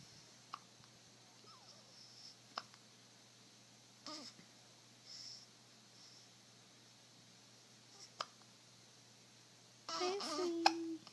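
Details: Pet named Chase with hiccups, owner wondering if it ate too much: faint, sharp hiccup clicks at irregular intervals in a quiet room, voice at end; hiccups.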